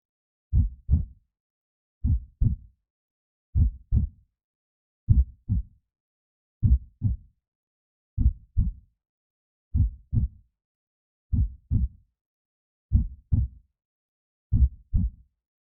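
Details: Simulated creepy horror heartbeat sound effect, royalty-free, not a real recording: slow steady paired low thumps about 40 beats a minute with silence between.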